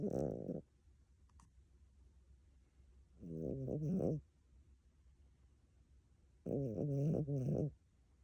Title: My cat ￼ snoring like a human 🤪😂❤️❤️🤪🤪